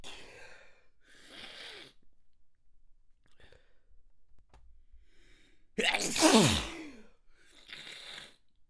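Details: Adult, manually induced, shaky in-breaths build then a held-back sneeze bursts out forcefully with a voiced cry, followed by a breath: stifled sneeze.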